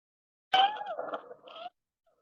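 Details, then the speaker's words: Teaching example of a wheeze (sibilancia), from small-calibre bronchi and heard in both phases of breathing: brief high-pitched whistling, musical breath sound like a bird's whistle. "van a ser comparables al silbido o al pillar de pájaros y este al igual que el ruido anterior son de fácil identificación se van a originar en bronquios de pequeño calibre y se oyen en dos tiempos de los dos tiempos de la respiración"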